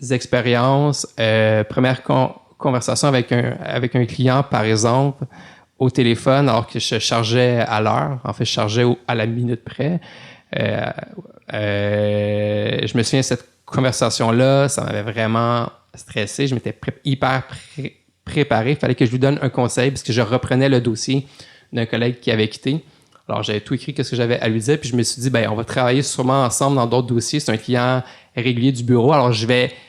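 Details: Adult male lawyer who stutters, speaking French in a podcast interview; stuttering.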